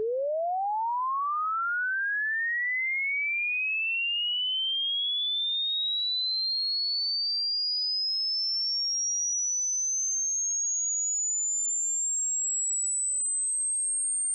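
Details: A pure tone sweeps steadily from low to very high pitch over about fourteen seconds, played as a healthy-ear hearing-range test.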